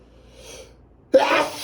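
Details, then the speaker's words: Person with allergies who is not taking allergy medication, in a repeated sneezing fit: a quiet breath in, then one sudden forceful sneeze. "Thank you. Oh my god. I got to sneeze."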